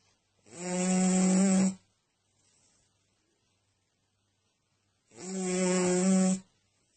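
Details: A sleeper snoring: two loud, rough, buzzing snores about four and a half seconds apart, with quiet between them. Ordinary snoring.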